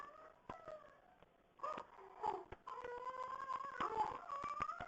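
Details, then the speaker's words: Child with croup: harsh seal-like barking coughs mixed with crying, croup barking cough. "that bark that's crew that's what usually scares people"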